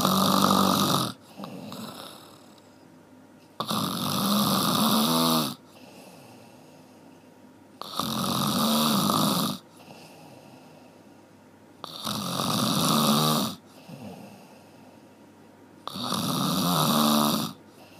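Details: Loud, rough, rattling snores with each in-breath, repeating regularly about every four seconds, roughly 15 breaths a minute; snoring.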